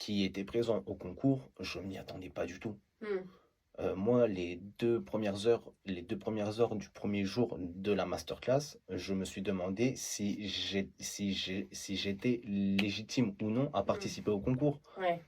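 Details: Adult male who stutters; stuttering.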